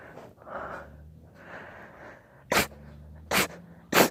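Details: Louder sneezing: three sharp, loud sneeze bursts follow softer snuffly breaths.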